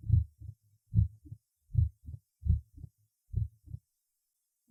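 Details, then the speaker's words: Loud, shortened, snapping first heart sound at the apex in a patient with mitral stenosis: regular heart sounds at about 71/min. "усиление и укорочение первого тона на верхушке прослушайте хлопающие 1 тонны верхушки у больного с митральным стенозом"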